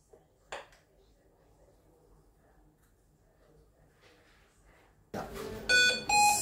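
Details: Hamilton T1 ventilator, set up in neonatal mode, being switched on: quiet room, then a rising whir and a few electronic start-up beeps.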